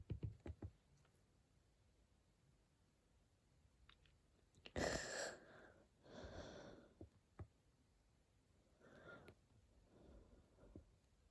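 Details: Person coughing while studying: a few soft, separate cough bursts among quiet room sounds and small clicks; cough.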